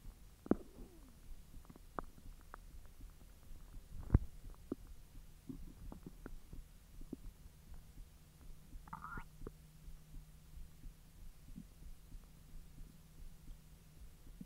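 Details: Belly recorded after eating hotdogs following 10 hours of an empty stomach: soft gurgles, pops and a low rumbling drone, active digestive bowel sounds (borborygmi).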